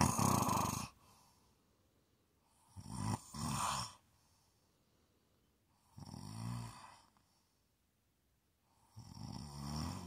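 Rhythmic rattling snores with each breath, about 20 per minute, separated by quiet pauses.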